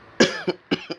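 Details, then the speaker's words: Two coughs from an adult man who says he is still coughing, each a sharp burst followed by a softer second pulse; a plain cough. "sorry man i'm still coughing up i'm dying more"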